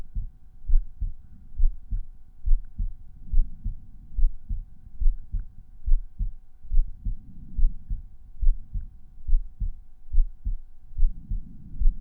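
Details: Resting heartbeat, volume normalized, heard over the pulmonary area: regular low heart thumps at about 71 beats a minute with a steady faint hum behind; normal heart sounds.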